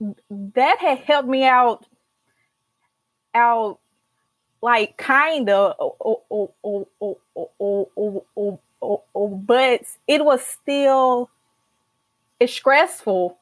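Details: Stuttering in an adult woman, a senior college accounting student who stutters and began speech therapy in college.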